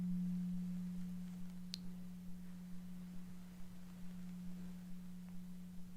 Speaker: So, just going to hit the tuning fork now. And I'm just going to put it next to one of your ears.